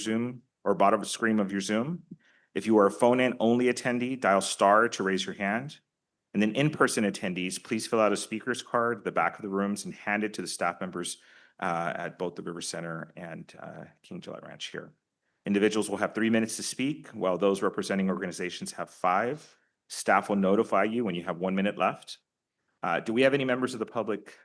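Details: Adult male speaker; Normal speech.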